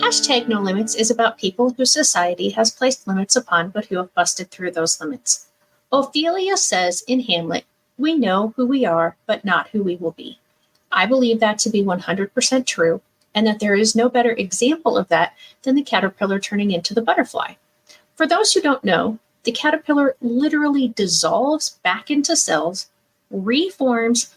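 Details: Adult female speaker; normal speech.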